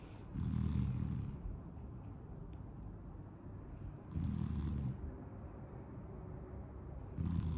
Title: Sleepy snoring